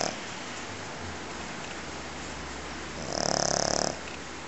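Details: Pekingese dog snoring very loudly: loud, rattling, fluttering inhaled snores from a small flat-faced dog, with steady room noise between breaths.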